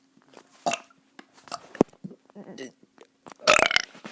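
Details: A child doing several loud, throaty burps with short pauses and faint voices nearby, then hiccups afterward: repeated belching.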